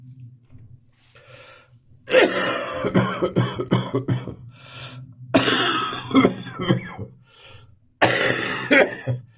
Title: Boxing Day morning cough and spitting.